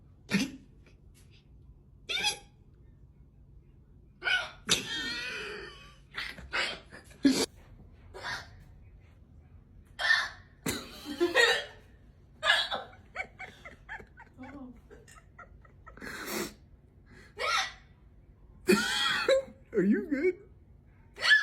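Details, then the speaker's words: Simulated hiccups in a 3D cartoon, not a real patient: exaggerated, squeaky hiccup-like yelps repeating between pauses, framed as abnormal, wild-animal-like hiccups. "I was minding my own business and then I thought we had a wild animal in the [Music] house stop those are not normal hiccups this is this is going on Tik Tok again again again"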